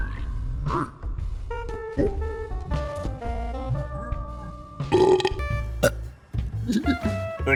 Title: Mr Bean Burping With Teddy | Gamavision Csupo Effects